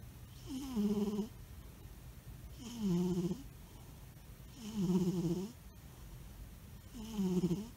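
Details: Steady sleep snoring from Donovan, an albino, with regular rattling snores on each breath at about 29 per minute and quiet gaps between.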